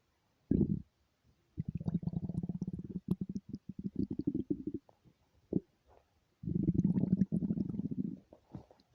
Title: stomach growling with hunger